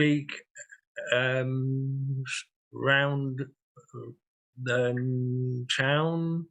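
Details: 67-year-old man with aphasia after two large strokes, 18.5 and 6 years earlier, needing time to get words out and using a communication board; aphasia.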